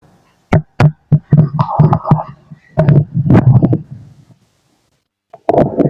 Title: My stomach growling (male) #stomachgrowling #stomach #auscultation #body #tummy #digestion